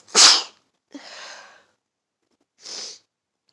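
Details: Sneezing in autumn: one forceful sneeze, then a drawn-out breathy exhale, a short sniff and groans.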